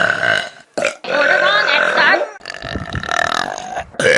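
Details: Compilation of Vine clips: several long, loud, rumbling belches one after another with short breaks; burping.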